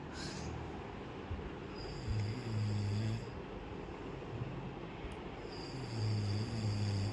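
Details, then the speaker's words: A person asleep in the afternoon, around quarter to five, after complaining of a headache, giving low droning snores that rise and fall with each breath under household noise: ordinary snoring. "তো তার মধ্যে ঘুমিয়ে গেছে আর কি নাক ডাকছে বাপরে"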